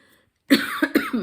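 After a brief silence, an adult gives a short run of about four harsh, partly voiced cough bursts: a cough.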